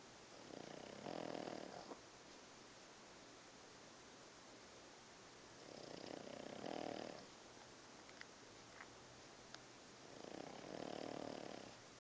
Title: Zues snoring take 2